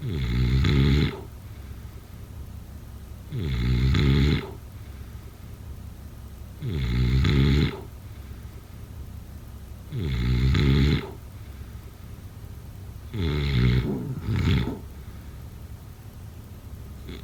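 Loud, low, rattling snores on each breath in, about 19 a minute, with quiet pauses between them. This is ordinary snoring during sleep.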